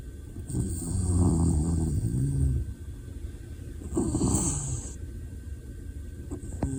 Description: Dog snoring loudly.